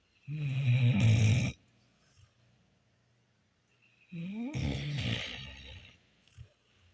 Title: Old dog snoring during one of her many daily naps 😴 #shorts #dog #catnap #snoring